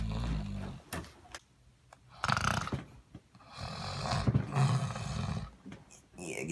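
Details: Loud, deep, growling snores from an adult sleeping in bed, rough and rumbling on each breath, with bed and room noise between.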